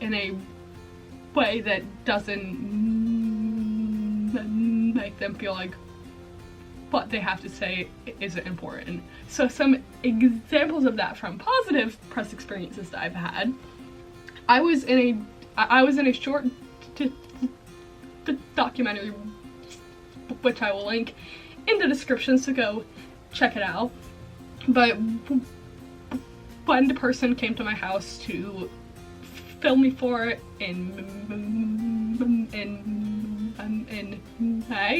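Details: Female college student with a self-reported stuttering disorder, with repetitions throughout; stuttering.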